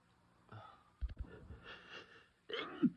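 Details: Sneezing in a person who says ragweed seems to affect them, making them sneezier than usual: a short breath in followed by a sharp burst of air out, then a second burst.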